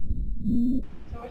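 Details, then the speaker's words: Child's lungs listened to remotely by a pediatric specialist through a robot, with a nurse helping, at follow-up to check improvement; low chest sounds with a brief steady musical tone; wheezing still heard. "we're still hearing some wheezing."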